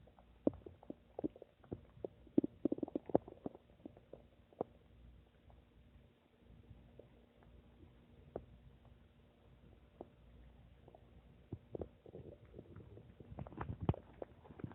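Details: Quiet gurgles and scattered clicks and pops in a soft background from the speaker's own stomach: ordinary stomach rumbling, borborygmi.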